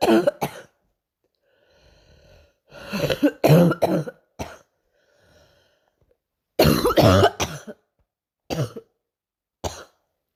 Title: night coughing